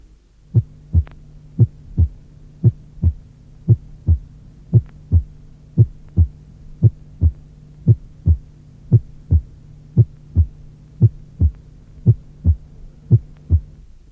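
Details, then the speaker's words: Simulated heartbeat at about 57/min with a loud, sharp, snapping first heart sound, produced when the atrioventricular valves are wide open as ventricular contraction begins. "Si les valves sont largement ouvertes au moment où commence la contraction ventriculaire, elles se ferment avec un claquement, produisant un bruit intense et aigu."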